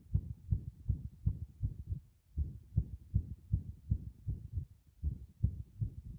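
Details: Heart with very frequent arrhythmic beats: fast heartbeat around 150 a minute with uneven spacing, a pause and clustered beats, giving an irregular rhythm.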